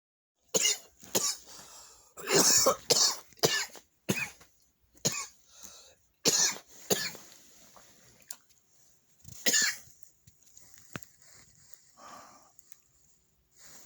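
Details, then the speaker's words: Repeated short, harsh, dry coughs in bouts with no wet rattle in a patient who started chemotherapy two days earlier; the cough began after hiccups and was recorded in early morning hours. Non-productive dry cough. "so as you see i am now dealing with this dry cough um i started chemotherapy two days ago"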